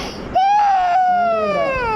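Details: Young child crying in pain from injections, the second given in the right thigh: a sustained, high, wailing cry with a falling pitch.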